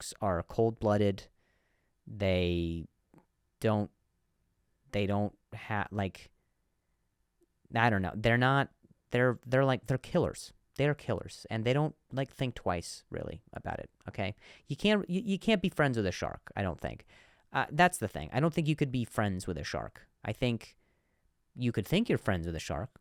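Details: Stuttering in an adult male; he reports difficulty saying certain words on some days.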